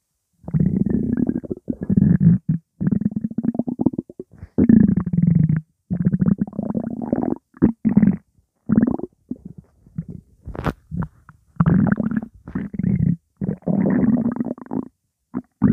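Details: Loud, non-stop stomach rumbling with background music: long, nearly continuous low gurgling and rumbling in repeated bursts; ordinary borborygmi from gut movement.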